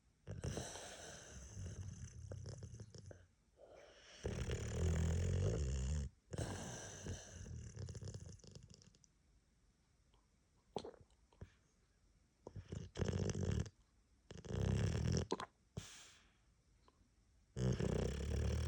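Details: Boxer dog with loud, low, rattling snores on repeated breaths with pauses and snuffles between; owner says congestion from a head cold makes it worse than usual: snoring.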